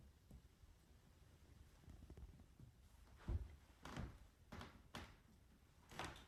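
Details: Nursing-training chest and lung assessment on a girl: about five soft, hollow knocking percussion taps in a quiet room with no dull thud; normal resonant chest percussion note.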